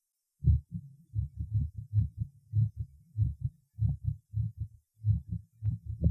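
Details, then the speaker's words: Heart sounds at the apex in a male patient with tachysystolic atrial fibrillation: fast, about 95 a minute, irregularly spaced with no pattern and varying loudness. "мерцательная аритмия или трепетания предсердий чаще всего аускультативно определяется отсутствием всякой закономерности следование тонов сердца а также их меняющейся звучностью прослушайте запись полученную на верхушке сердца у больного стахий систолической формой мерцательной аритмии"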